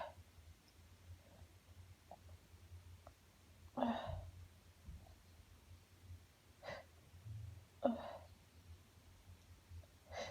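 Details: Uncontrollable sneezing fit: three sharp sneezes within a few seconds in a quiet room; repeated sneezing.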